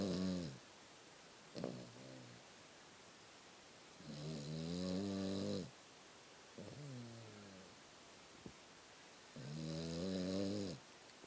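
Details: Sleeping pet snoring: rhythmic, rumbling snores with whistling edges, about twelve breaths a minute, with quiet pauses between; snoring.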